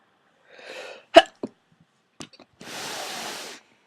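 A quick in-breath followed by a sharp, forceful sneeze, a small second burst, then a long noisy out-breath; a single powerful sneeze.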